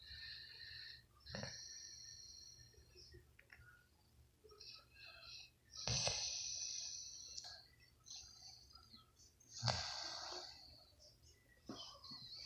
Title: A snoring friend